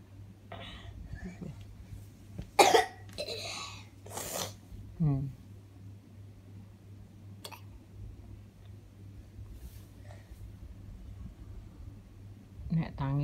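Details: Young child with a cough, which the parent links to eating ice cream and cold drinks: a few short coughs with quiet room sounds and talk in between.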